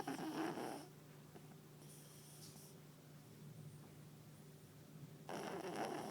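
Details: A chubby female papillon dog snores while asleep on the owner's lap, with a soft, low, droning snore on a long breath between louder rustling noises.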